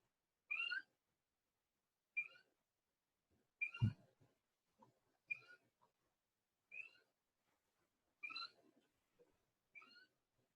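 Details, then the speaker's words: Stridor in a male patient: loud, high-pitched, wheezy whistling breaths about 40 times a minute, suggesting upper airway blockage in the throat, with visible chest retractions showing difficulty breathing. "so it's a really loud uh respiratory sound not like your normal sounds that you hear in the lungs hear him breathing really loud that's Strider kind of Wheezy sounded but it's loud"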